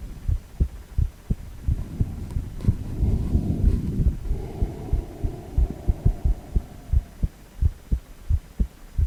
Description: 4-chamber View of male heart with heartbeat sound.